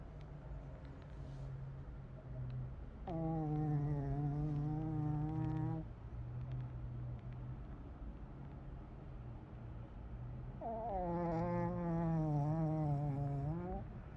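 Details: 12-year-old Shih Tzu dog snoring: slow, regular breathing with a low buzzing snore on each breath, about two long snores in fourteen seconds.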